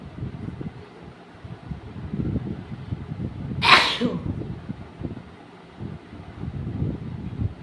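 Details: Single sharp, explosive sneeze midway through a sneezing and nose-blowing challenge recording, set against low rustling and muffled room noise; sneeze.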